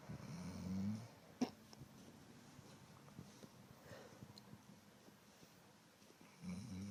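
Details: Sleeping dog snoring: two low, rumbling snores separated by a quiet pause with faint breathing.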